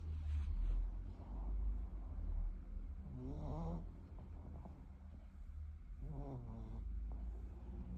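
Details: Snoring during sleep: two low, rattling snores over a steady low background rumble.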